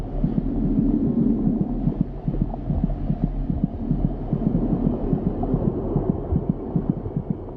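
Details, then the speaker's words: Rapid whooshing fetal heartbeat at about 150 a minute, racing as the effects of maternal stress pass through the placenta while the mother's heart rate returns to normal; fetal tachycardia. "It takes a while for the effects to filter through, but when the mother is recovering from the impact of stress and her heart rate is returning to normal, her baby's heart begins to race as the physiological effects of stress creep through the placenta."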